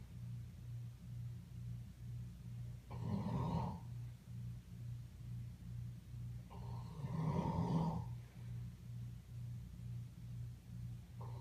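Two soft, rough snoring breaths from a sleeping animal, heard over a steady low electrical hum.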